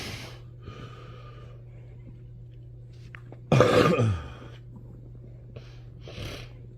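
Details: Adult man snoring while a Chihuahua dog cuddles with him.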